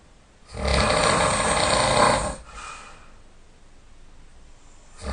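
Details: Heavy snoring during sleep, loud enough to wake the sleeper: one long, loud, rattling inspiratory snore, then quiet breathing and the start of the next snore.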